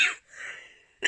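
A brief, harsh cough burst, then a soft breathy rush of air and the start of another burst: a short cough.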